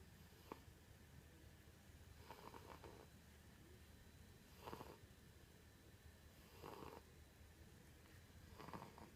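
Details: A cat snoring in sleep: quiet, rough breathing noises about every two seconds, roughly 30 a minute, against room hiss.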